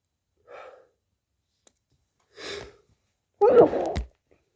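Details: Sneeze with a cold: two short breathy intakes, then a muffled, forceful sneeze.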